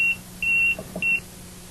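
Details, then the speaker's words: LP6 ventilator in pressure cycle mode: three high-pitched electronic beeps, short-long-short, the high pressure alarm sounding because patient pressure exceeded the high alarm limit by 10 cmH2O and needs immediate attention. "however in pressure cycle mode if for any reason patient pressure builds to exceed the high alarm limit by 10 centimeters of pressure the high pressure alarm does sound alerting caregivers to a situation that requires their immediate attention"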